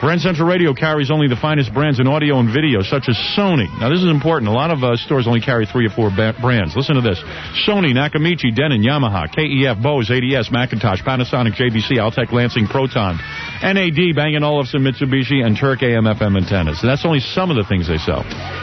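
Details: Adult male speaker; typical speech.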